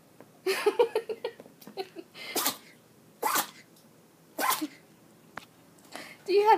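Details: 10-week-old puppy sneezing fit, owner wonders about allergies: several short, sharp sneezes about a second apart, with a person's voice between.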